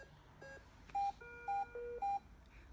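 Simulated patient monitor sounding a pattern of high-pitched alarm beeps, triggered when ventricular fibrillation is selected on the training simulator.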